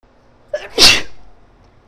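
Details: A woman's sneeze, induced by tickling her nose with a clothes tag after it bothered her all day: a brief intake of breath, then one forceful, hissing sneeze; sneeze.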